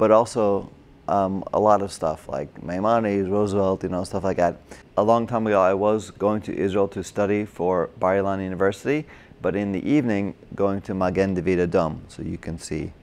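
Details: Adult man with Broca's aphasia from a stroke during heart surgery in 2007, about 10 years earlier; difficulty with names, numbers, reading and writing, and substitutes related words.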